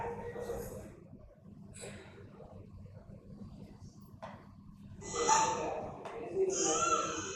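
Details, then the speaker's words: Child with DiGeorge syndrome (22q11.2 deletion) crying with harsh noisy breathing and weak, strained voice: stridor with no proper voice, due to a type three glottic web. "So, this is a DiGeorge syndrome and there is stridor. And also, if you notice, there is no proper voice. So, that means there is something else."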